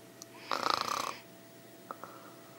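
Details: Adult woman snoring in sleep (ASMR recording): a single rough, rattling intake breath, then quiet breathing with faint room hum.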